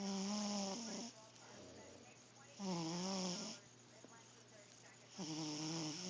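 Three loud, buzzing snores from a sleeping cat, each about a second long with quiet breathing between, roughly 23 a minute: ordinary snoring.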